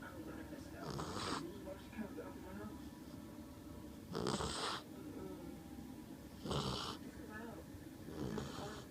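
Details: American bulldog snoring: noisy, raspy breathing with a snore on each breath, about four breaths in nine seconds.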